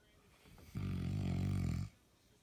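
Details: Snoring: a single deep, rattling, low-pitched vibrating snore lasting about a second.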